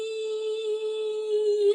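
A woman holds a steady, even vocal tone, imitating the constant ringing tone of tinnitus.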